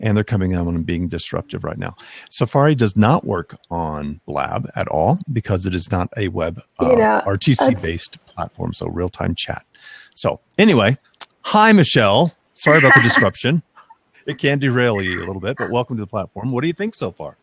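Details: Adult male speaker; typical speech.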